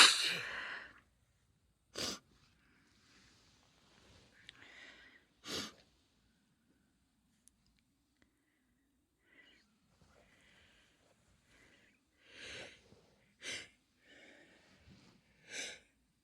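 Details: Female with a common cold, clips from several days: about six sharp sneezes, deeper, wetter and hoarser as the cold takes hold, some with a drawn-in breath first, plus softer sniffs and nose blowing.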